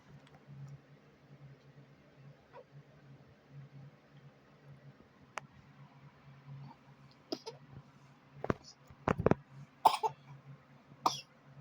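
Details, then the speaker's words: Baby girl with hiccups while being given her daily vitamin: quiet room hum, then a run of short, sharp hiccup catches in quick succession. "uh oh she got the hiccups so probably ain't easy to take her vitamins with the hicups huh"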